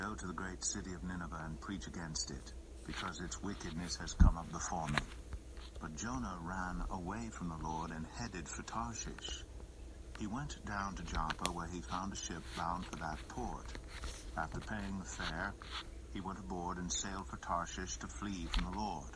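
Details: Adult male reader; normal speech.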